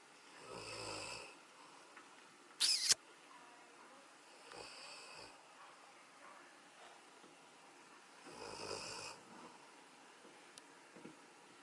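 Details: Elderly golden retriever, adopted 15 years ago and in declining health, sound asleep: soft hissy snores recurring every few seconds, with a brief loud click and quiet room noise between; snoring.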